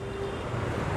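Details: Steady low hum with a faint tone from a running home oxygen concentrator, which delivers oxygen to the patient through a nasal cannula.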